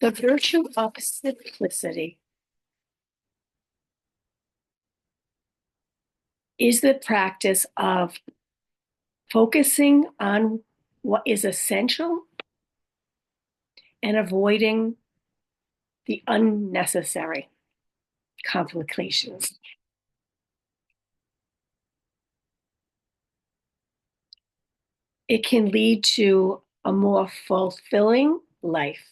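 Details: Adult woman with aphasia, apraxia of speech, dysarthria and other communication challenges after a stroke, who says her speech can be hard to understand; aphasia with apraxia of speech and dysarthria.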